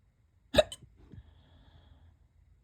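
One sharp, abrupt vocal hiccup with a brief echo-like follow-on, then quiet room noise; a single hiccup.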